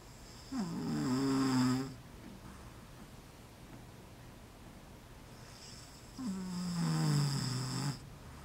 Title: Snore Bore.